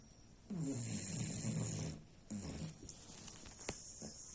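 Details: Sleeping dog snoring like a human: soft, rumbling snores, two drawn-out rattling breaths then quieter snuffling; ordinary snoring.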